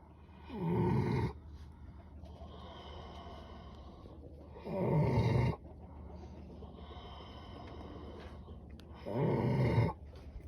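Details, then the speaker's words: Two heavily pregnant sows sleeping: three deep, rumbling snores about four seconds apart, roughly 14 a minute. "big snore. My two pregnant sows."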